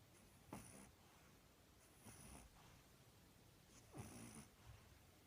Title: Pug puppy snoring